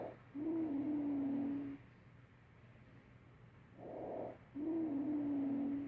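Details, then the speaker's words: Simulated lung sounds on a mannequin with a sustained musical, whistling tone on the longer breath phases: wheezing as with asthma. "It has sort of a musical tone."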